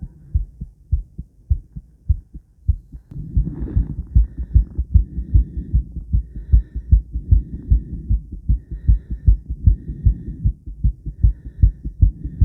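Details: Woman's own normal heart after 50 squats: a fast, regular heartbeat with crisp low thumps, the rate raised by exercise, recorded with blood pressure during recovery.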